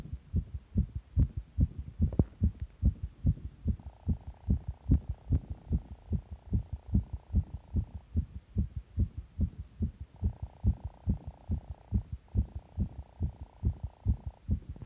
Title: heart pounding